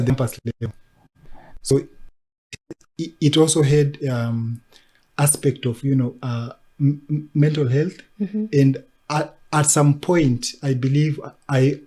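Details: Adult man who stammers since childhood and was mimicked at school for it, now a disability advocate who links stammering with mental health challenges; stuttering.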